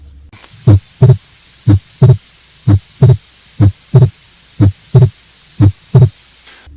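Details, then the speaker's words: Atrial septal defect: regular heart sounds near 60/min with a soft flow murmur and fixed split S2; the murmur does not increase in intensity with inspiration. "the s2 is fixed split in patient with the atrial septal defect so let's hear the oscillatory sound of this"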